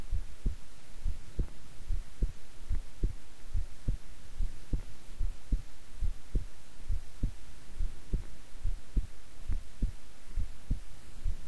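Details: Own heartbeat recorded at length while keeping still and relaxed: steady, soft double beats at about 70 a minute, even and unhurried; normal resting heart sounds.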